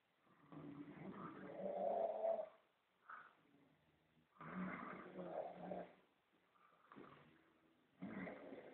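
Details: Snoring at a mountain refuge, Montevergine 2010; long, rough, rattling breath sounds with quieter gaps, a snoring sleeper in a quiet room.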